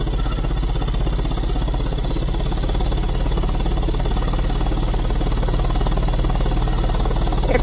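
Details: Steady low rapid pulsing rumble, about two pulses a second, from a high-frequency chest wall oscillation vest during airway clearance in a patient with pulmonary hypertension and a prolonged unexplained infection, doing treatments every 2 hours.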